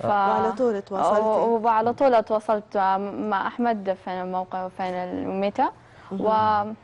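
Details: Young woman who has stuttered since age 6, attributed to psychological factors and possibly stress at the start of school; stuttering.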